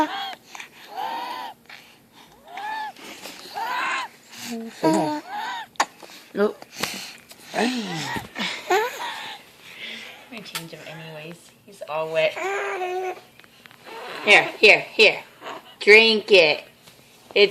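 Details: Sick infant drinking water: repeated whistling, squeaky noises with each breath between sips and vocal sounds. Wheezing.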